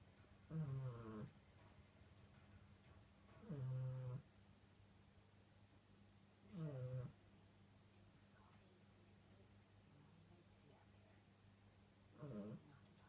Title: Snoring Chihuahua....